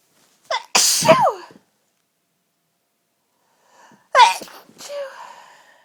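Two forceful sneezes with sharp inhaled catches before each, part of a sneezing fit.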